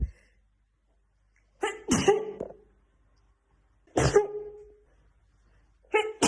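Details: Black woman, sneezing fit in a looped TikTok edit: three forceful sneezes in quick succession, each with a sharp intake and explosive release, in a quiet room; repeated sneezing fit.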